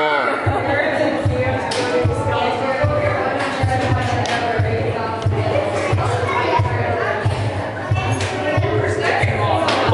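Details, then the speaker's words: Mother's heartbeat: steady, rapid low thumps about 120 a minute, noted as over 120 while she is nervous, with voices and room noise behind; fast heartbeat (sinus tachycardia). "heartbeat。百廿幾喎，你咁緊張嘅一個人。"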